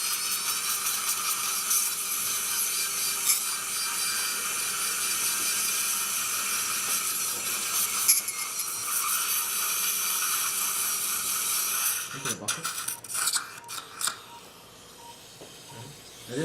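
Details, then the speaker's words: Surgical drill turned down to 1,300 speed during live full-arch implant surgery on a partially edentulous maxilla: steady high mechanical whir that stops near the end with scattered clicks and handling noise. "I turn the speed down a little bit to 1,300"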